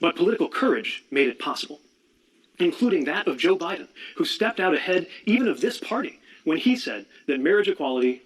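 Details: Adult speaker; ordinary speech.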